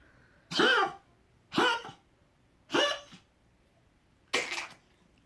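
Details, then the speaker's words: Dog with an unusual sneezing fit, with gagging, after something irritated his nose; four short, sharp sneezes about a second apart with quiet gaps between. "You look like you got sneezes today. This is the longest you've ever sneezed, baby."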